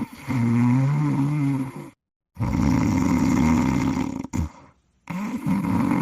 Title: Cool Cat Sleeping and Snoring on the Hammock in 50 seconds